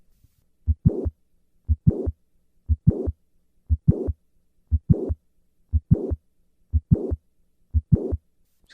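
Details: Mitral valve prolapse mid-systolic click and late systolic murmur, squatting maneuver.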